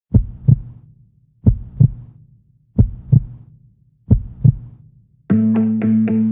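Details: Recorded heartbeat, donated for a hug-toy project for young children: four clear paired thumps, roughly 45 a minute, then music begins.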